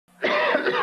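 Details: A single short, harsh, wet-sounding congested cough from an adult, acted for a 1982 Formula 44D cough and decongestant commercial.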